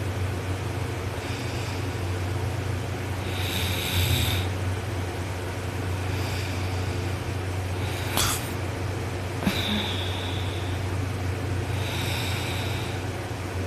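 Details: Heavy snoring in a person asleep on their back with arm over head after a long workday: loud, rough snores with a few snorting breaths over steady low room or engine hum.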